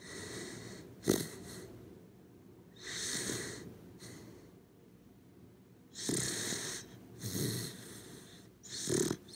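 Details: Sleeping corgi dog snoring: soft, raspy snoring breaths with occasional snorts, about five breaths in nine seconds; ordinary sleep snoring.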